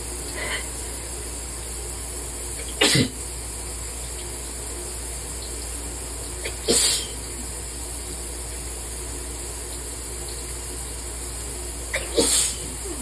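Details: Three explosive sneezes over about thirteen seconds against steady running shower water on a bad allergy day; allergic sneezing.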